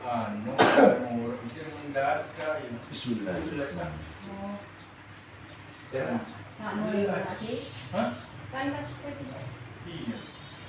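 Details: A man's speech broken by a rough cough and throat clearing; said to be a chronic cough that will not heal, with complications.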